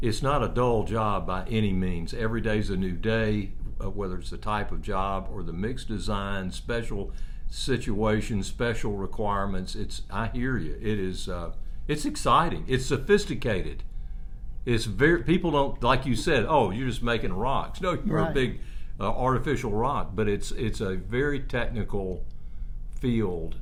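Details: Adult man; ordinary speech.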